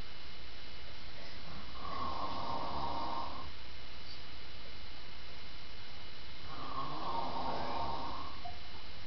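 Two long, rumbling snores on slow breaths in, with a steady hiss between them; ordinary sleep snoring.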